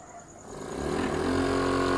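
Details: Nebulizer compressor switched on for testing during a home repair for a pressure problem; the motor starts and rises to a steady, loud droning hum.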